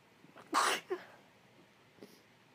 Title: so many cold sneezes (sniffles, stifles, and rapid sneezes) 🌼 (F)